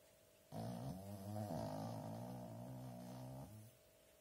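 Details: Sleeping cat snoring: one long, buzzing, rattling breath noise lasting about three seconds against quiet room hum.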